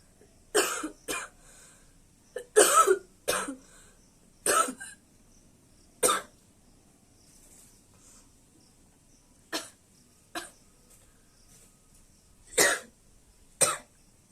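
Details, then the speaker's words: Deliberate coughing in a cough challenge by a woman who says she coughs heavily, almost all night: eleven short, dry coughs, some in quick pairs, separated by quiet pauses. "আজকে সেটা হচ্ছে যে কাশবো, কতক্ষণ কাশতে পারি, calf challenge."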